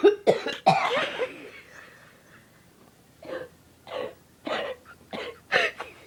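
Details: An adult woman coughs about eight times: a quick cluster of harsh, forceful coughs, then a pause and a run of shorter, weaker coughs. Repeated cough fit.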